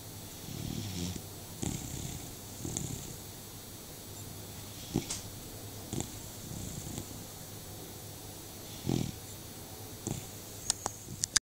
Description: When Beagles snore!